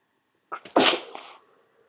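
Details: A single muffled, held-back sneeze with a short catch of breath before it; stifled sneeze in a congested person.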